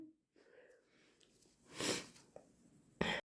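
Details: Induced hay fever sneezing: quiet breathy build-up followed by two sharp, very wet explosive sneezes.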